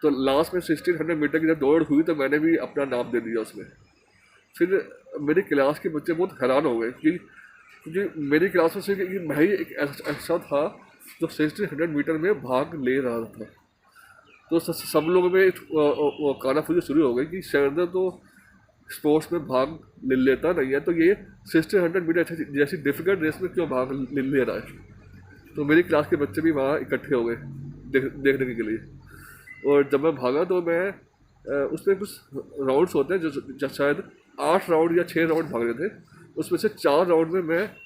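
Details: Stuttering in a Hindi-speaking man from Delhi who stammers, a member of an Indian stammering association, recording an emotional-recovery course task.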